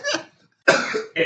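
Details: Podcast co-host coughing, said to be in disbelief at a story being told during the conversation; cough.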